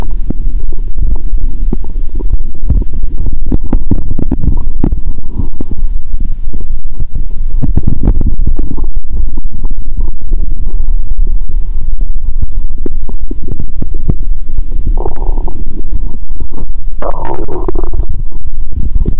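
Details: Adult's own abdomen through a stethoscope after much cola and Mentos, feeling full and in pain after belching: loud, low continuous rumbling with a few gurgles near the end; active bowel sounds.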